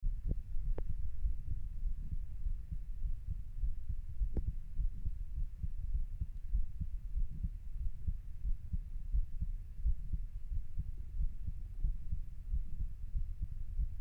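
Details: Usual heart sounds recorded while lying down: muffled low thumping heartbeat with a faint steady hum; normal heart sounds.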